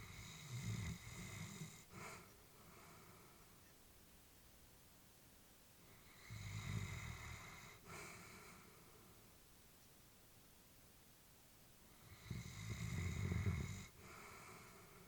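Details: Elderly female Labrador sleeping: soft rhythmic snoring on each breath, about 10 breaths a minute, with a faint whistle on exhalation; ordinary snoring during sleep.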